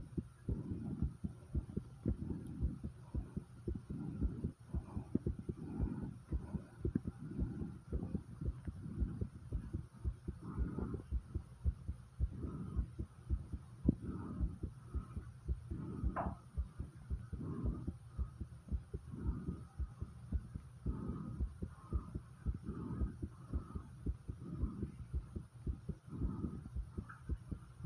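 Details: Heartbeat recorded right after 50 squats: rapid, regular, low thumps at about 110 beats a minute with heavy breathing; fast heartbeat after exercise.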